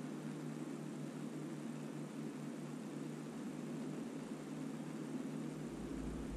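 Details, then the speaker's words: Yuwell YE650D talking automatic blood pressure monitor, adult man measuring himself: steady low motor hum as the arm cuff inflates while the device announces not to move or talk; reading afterwards 158 systolic, pulse 59. "กำลังตรวจวัดกรุณาอย่าเคลื่อนไหวหรือสนทนา"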